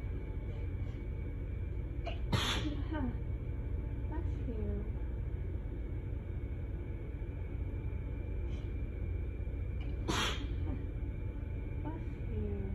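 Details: Two forceful, wet sneezes, each with a sharp intake beforehand, over steady low room noise; intense itchy allergic sneezing fit after bleach exposure and pollen, while loopy from nighttime medicine.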